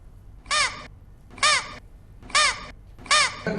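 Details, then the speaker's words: Four short, high-pitched squeaking whistles with rising-falling pitch, one with each forced breath, from a boy who whistles when talking, laughing, sneezing or coughing; endoscopy found he had swallowed a whistle. "కానీ అతను మాట్లాడితే whistle నవ్వినా whistle సౌండే తుమ్మినా దగ్గినా"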